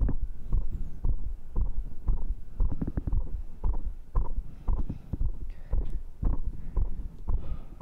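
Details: Fast, regular, strong low thumping heartbeat, self-recorded by microphone right after the final round of dips, abs, cross pulls and arm curls. The rate was stated as 132: a normal heart rate raised after exercise.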